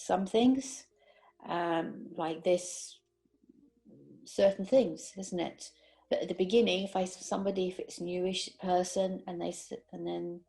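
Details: Woman who had a stroke in her sleep about 18 months earlier, with difficulty with numbers, word finding, understanding fast or male speech, and reading; aphasia.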